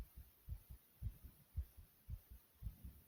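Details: Own heartbeat recording described as fast yet soothing: regular low thumps in paired beats, about 113 per minute; fast heartbeat.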